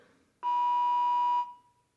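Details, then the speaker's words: CPR/AED training demonstration with pads on the chest: after analysis, "don't touch patient, shock will be delivered in three, two, one, stand clear," then one steady, clear electronic tone of about a second as the training AED delivers the shock. "we want to be careful not to touch the patient at this point don't touch patient shock will be delivered in three two one stand clear"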